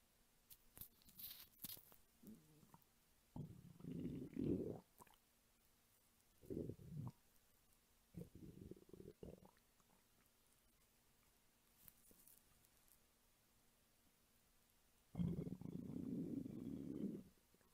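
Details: Hunger stomach rumbling from an adult woman's belly, recorded as ASMR: irregular gurgling, rumbling bursts with quiet gaps; normal borborygmi.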